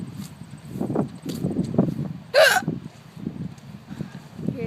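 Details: Low murmuring and rustling broken by one abrupt, loud, squeaky gasp-like burst: an unusual-sounding hiccup from someone hiccuping for about 10 minutes.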